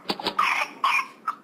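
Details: Pertussis in a toddler: coughing fit of quick coughs followed by high-pitched, drawn-in whooping breaths.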